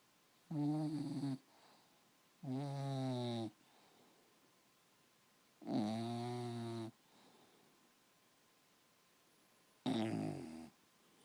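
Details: 6-month-old bulldog snoring: four loud, buzzing, rattly snores about every three seconds with quiet gaps between, typical of a flat-faced dog.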